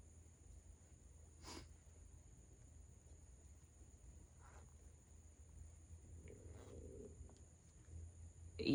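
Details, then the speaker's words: Stomach rumbling (borborygmi) from an adult crocheting in a quiet room with a steady low hum: a soft, low gurgling rumble rises briefly near the end. "that's my stomach. If you hear that, that is indeed my stomach."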